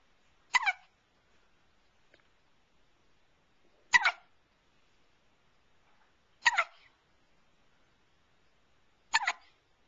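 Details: One-month-old infant with hiccups: four short, sharp hiccup sounds at a steady pace, about 24 a minute, in a quiet room.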